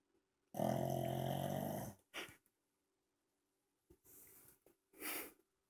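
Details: Pug snoring loudly until he is asked if he wants to go bye-bye: one long, loud, rattling snore, then short snorting breaths with quiet gaps between them.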